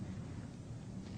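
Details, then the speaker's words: Normal transmitted voice sounds: patient says "99" during posterior chest auscultation with the stethoscope diaphragm, a test done when bronchial or bronchovesicular breath sounds are heard where they should not be. "listen for transmitted voice sounds now i want to say 99 please"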